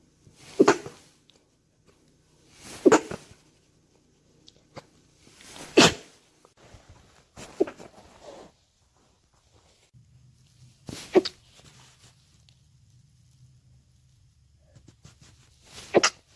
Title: New Years Sneezes